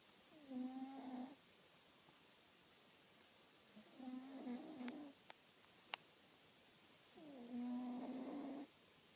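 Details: A cat snoring in its sleep: three slow, drawn-out nasal snoring breaths with a fluttering, whiny tone, several seconds apart.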